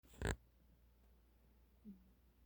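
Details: Sleeping cat gives one brief, harsh snorting snore, then quiet with a faint low sound; snoring.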